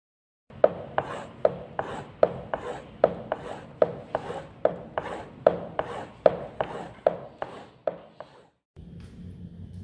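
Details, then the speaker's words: Simulated aortic regurgitation: soft, high-pitched, decrescendo diastolic murmur, best heard at Erb's point with the patient leaning forward; heartbeat about 74 a minute with a soft rasping murmur filling the pause after each beat. "next is the atic regurgitation which is a soft high pitched MMA decrescendo in shape and diastolic murmur which is best heard at Herb's point and in leaning forward position"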